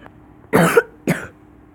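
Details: Two short, harsh cough bursts in quick succession from a person playing a video game: a plain cough.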